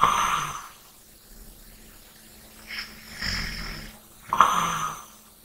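Soft, light snores and breathy exhales over a faint steady hum; gentle snoring.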